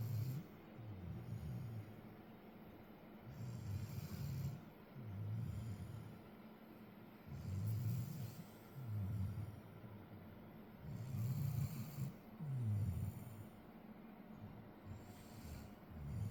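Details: Low, rumbling, fairly regular snores on each breath, roughly 15–17 a minute, during sleep, with faint background hiss; snoring.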